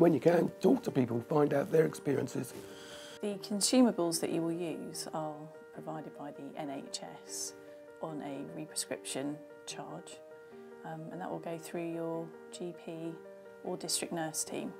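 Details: Adult speaker; typical speech.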